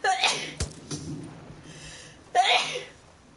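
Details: Woman streaming on Twitch gives two sharp, explosive sneezes with a breathy pause between them; ordinary sneezing.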